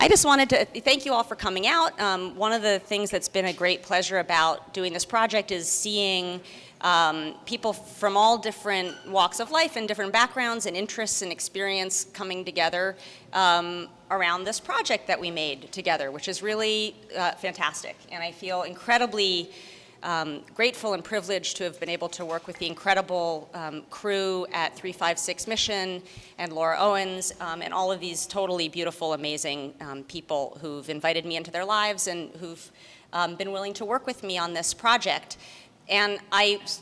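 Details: Adult woman; normal speech.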